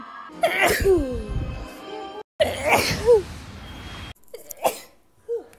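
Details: Compilation of sneezes recorded April–October 2019: several forceful adult sneezes in quick succession, each a sharp voiced burst with a falling cry, separated by cuts and quiet.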